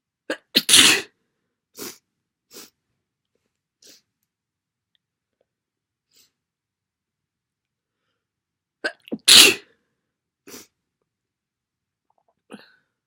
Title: Very wet sneezes. Another cold?